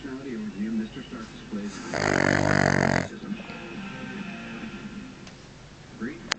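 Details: Dog sleeping with head back and mouth open, snoring: a loud, buzzing snore lasting about a second over quieter breathing and faint background sound.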